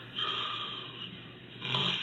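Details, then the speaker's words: Adult with obstructive sleep apnoea recorded asleep: two harsh, noisy snoring breaths with a quieter gap between, as breathing pauses then restarts; snoring with sleep apnoea. "voilà on a enregistré un sommet d'un d'une personne qui fait des apnées du sommeil voilà ce que ça donne"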